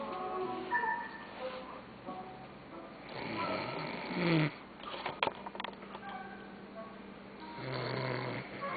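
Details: Sleeping man giving rough, rattling snores with each slow breath every few seconds, over faint background music; snoring.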